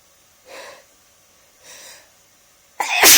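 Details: Two drawn-in breaths followed by one loud, explosive sneeze, deliberately brought on.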